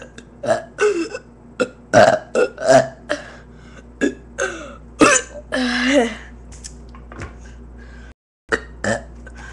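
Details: A run of loud, drawn-out belches, several in a row, with one long final burp; ordinary burping.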